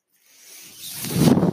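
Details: Mechanical ventilator of an adult man, heard during his podcast speech: a soft, airy hiss swelling into a louder rushing whoosh over about a second as a breath is delivered.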